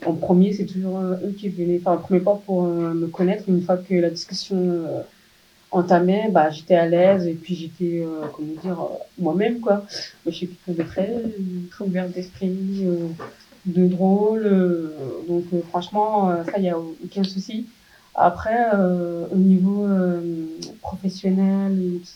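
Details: Speech of a 27-year-old woman profoundly deaf from birth, who used hearing aids and recently received a cochlear implant and is in speech therapy rehabilitation; finding: speech of a person with congenital profound deafness.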